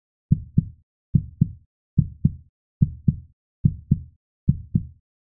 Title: Listen Baby heart sound with pinard stethoscope | Baby's heart beat #shortsvideo #baby #pregnancy